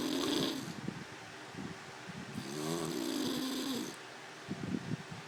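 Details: Snoring: two slow, rough, rattling snores on inward breaths, about 12 breaths per minute, in a quiet room.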